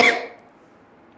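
A single short, sharp cough from an adult, fading quickly into quiet room tone.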